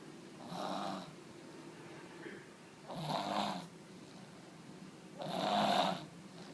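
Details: Three rough, rattling snores, each about half a second to a second long, separated by quiet pauses in a small quiet room; snoring likened to an old man's.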